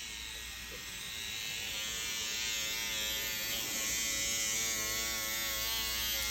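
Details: SkinPen microneedling pen at 1.25 depth on the skin of an adult man during a PRP cosmetic treatment, with ProNox: steady high-pitched electric buzz running continuously, with room noise.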